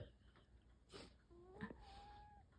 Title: This cat is 12 years old and snores when she sleeps. 😁 #nheyonthego#furries#cat #adorable #snoring